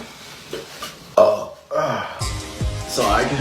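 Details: Male food-challenge eater burping: a couple of loud, low, rumbling belches over light background music.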